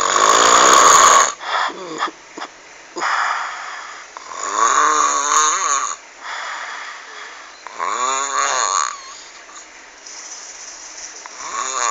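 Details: Very loud, rough snoring with rattling inhalations and a whistling, groaning tone, repeating with each breath; frightening-sounding snoring.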